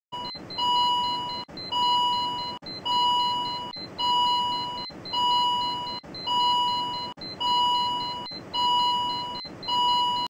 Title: Ventricular Tachycardia